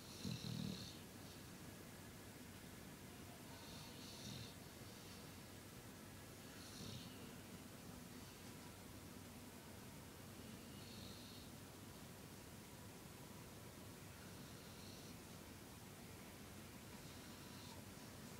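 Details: Snoring at night during sleep: faint, soft snores about every three to four seconds under steady room hiss, with quiet, irregular breathing noise.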